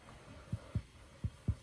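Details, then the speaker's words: Resonant percussion note over lung in intercostal spaces during diaphragmatic excursion assessment, patient holding breath; four short low hollow taps, dull note expected near diaphragm; excursion about 3–4 cm, normal finding. "so here the resonance sound now once I get to the diaphragm I should hear a doll side"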